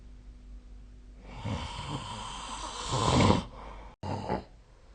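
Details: Sleep snoring recorded with the SnoreLab snoring app: one drawn-out, rough snoring breath that builds in loudness, followed by a short snort.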